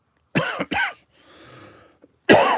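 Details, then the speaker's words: Three harsh, loud cough bursts with a quiet breath between, from a person with a groggy voice and lethargy about a month after COVID infection, who says talking brings on coughing; a persistent post-COVID cough. "I don't know how long this cough's going to last. It's been a month since I've gotten COVID."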